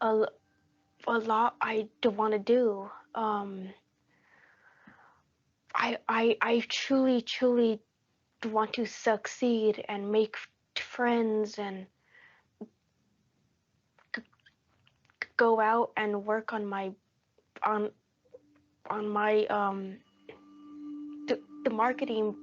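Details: Adult who stutters; stuttering.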